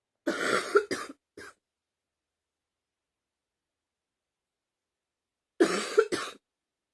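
Two clusters of harsh, dry coughs, three bursts then two, separated by a few seconds of silence.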